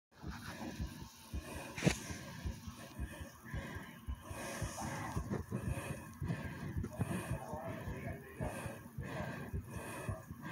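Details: A very brief self-recording of soft, low heartbeat thumps under steady rushing breath noise, with some rubbing and handling sounds; heartbeat and breath sounds.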